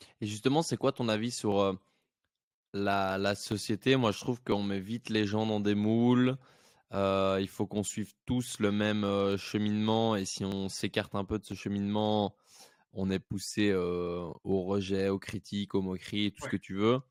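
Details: Adult male podcast host; normal speech.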